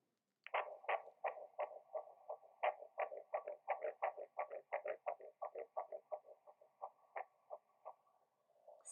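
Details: Rapid, regular whooshing fetal heartbeat at about 170 beats a minute, played back through a small speaker, from an IVF pregnancy.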